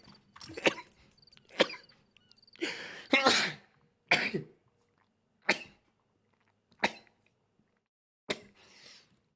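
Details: Male streamer who says he has allergies: rapid series of about seven sharp, explosive sneezes, some with brief breathy wind-up, separated by short silences.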